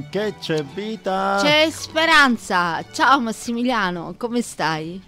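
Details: Adult woman speaking (radio host); normal voice.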